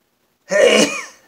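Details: A single abrupt sneeze burst that fades quickly, from a man with watering eyes sneezing into an old shirt during an entire sneezing fit of multiple sneezes.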